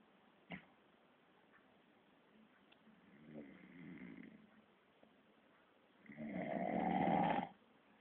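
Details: Adult man (a father) asleep in the living room, who snores all night: quiet breathing, then a loud, rough, rattling breath sound during sleep; snoring.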